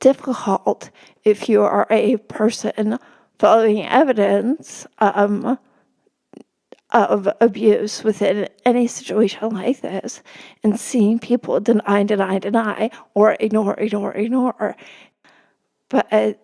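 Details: Adult woman with spasmodic dysphonia, speaking as a podcast guest: spasmodic dysphonia.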